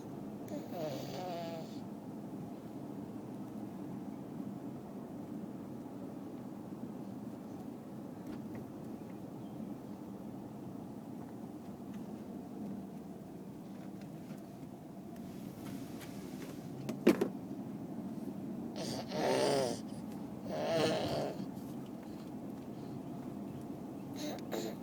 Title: Wheezing